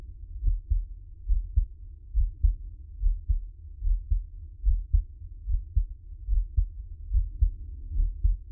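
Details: Steady, deep paired thumps at about 70 a minute from a man's own heart, as a relaxing ASMR heartbeat recording; normal heartbeat.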